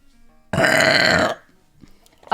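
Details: One loud, long, rumbling burp lasting nearly a second, then quiet room sound, from a female Twitch streamer during a stream; burping.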